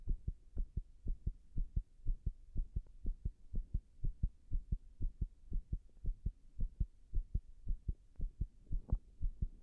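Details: Irregular heartbeat (arrhythmia) recorded after 6 minutes of compression while standing against a wall: fast, low heart thumps with uneven spacing and a few louder, crowded beats.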